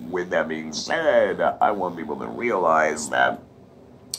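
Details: Electrolarynx speech with a TruTone Emote device allowing inflection, by an adult after laryngectomy with radiation and chemotherapy; clarity depends on device placement under the chin and around the neck.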